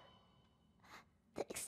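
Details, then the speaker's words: Sneeze from a VTuber, triggered by candle smoke tickling her: brief intake of breath followed by a sharp double burst, a single sneeze over faint background sound. "violent sneeze blows a gust of wind"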